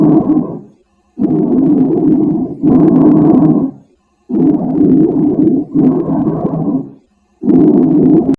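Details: Bronchial breath sounds: loud, hollow, tubular, high-pitched breathing with near-equal inspiration and expiration and a clear pause between; normal over the trachea, abnormal peripherally (pneumonia, atelectasis, pleural effusion).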